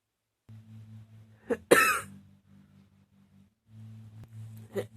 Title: # 27 never ending cough